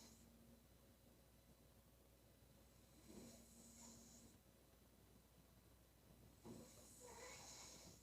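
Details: Woman snoring during sleep: two snoring breaths with a buzzing, snorting rattle and whistly hiss, about three seconds apart, in a quiet room.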